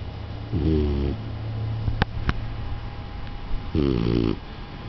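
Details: Four-month-old beagle–Australian shepherd mix puppy sleeping, two low buzzing snores about three seconds apart with a couple of sharp clicks between; snoring.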